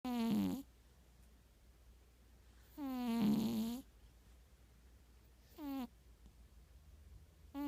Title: いびきをかく猫 / Boo the Snoring Cat